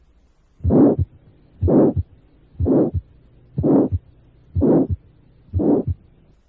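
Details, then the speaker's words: Diamond-shaped aortic stenosis murmur, peaking in midsystole and ending before the second heart sound; ejection systolic murmur of aortic stenosis. "el soplo de forma romboidal de la estenosis aórtica con su intensidad máxima durante la mesos y que termina antes del segundo ruido es un típico soplo de"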